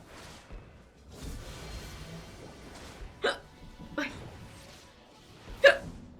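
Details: Streamer speaking Spanish while commentating a game on a live stream: three abrupt, short gulping sounds spaced a second or more apart over soft background talk; hiccups.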